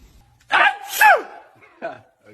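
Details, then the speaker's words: Baby sneezing in a ranking clip of cute baby sneezes: small gasping intake, then a sharp high-pitched burst and a brief softer sound, followed by laughter. "Ranking the best baby sneeze."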